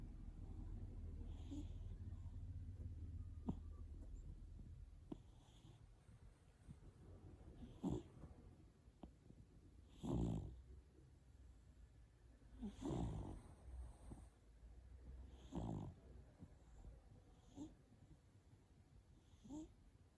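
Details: Cat, tagged as a street cat: soft, irregular low breathing noises with a few louder snorty bursts, about 22 a minute, against a steady background hum; snoring.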